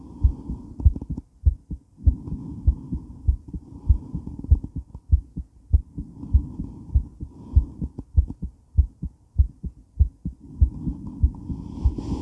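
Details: Woman's heart during and after weight training, recorded while moving: fast, strong, regular beats about 100 a minute with movement and heavy breathing noise; exercise tachycardia.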